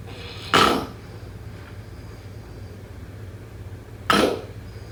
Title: #snoring #snoringasmr #sleepsounds #snoringsleepingsoundeffect #snoringsounds